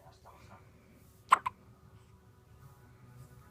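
Two short, sharp hiccup sounds close together against quiet room noise: hiccups in a newborn, common and normal at this age.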